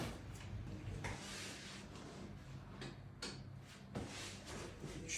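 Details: Several brief, sharp pops over low room hum: joint cavitation cracks during chiropractic spinal manipulation of the neck and thoracic spine in a young woman.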